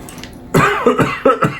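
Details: Man coughing indoors while wiring a caravan battery and powering on its BMS: a short run of about four harsh coughs with a throat-clearing quality.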